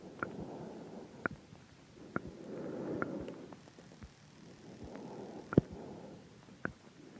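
Sharp, faint clicks about once a second, roughly 55 a minute, keeping time with the pulse, over soft low rumbling.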